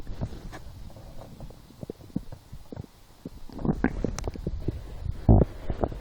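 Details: Hunger stomach growling while lying down, after skipping breakfast, a small lunch and two doughnuts four hours later: irregular low gurgles and rumbles from the belly, louder near the end.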